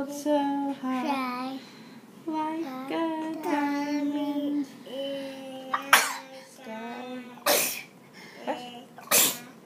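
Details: Child singing Twinkle Twinkle Little Star, interrupted by two sharp, explosive sneezes near the end, followed by giggling.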